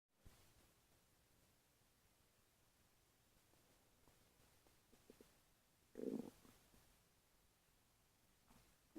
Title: stomach growling after eating chicken parm